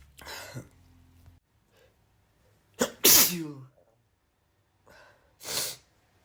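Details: Male sneeze compilation: three sharp, explosive sneezes, each led by a quick inward breath, in a quiet room.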